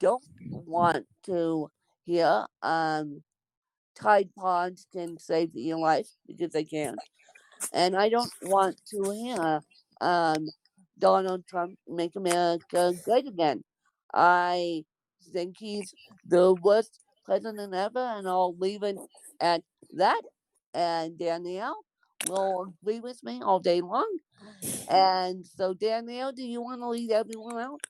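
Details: Dysarthric speech in an adult woman born with cerebral palsy.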